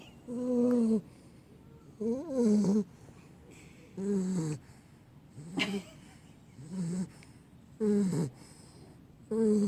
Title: Pitbull puppy snoring - Roxy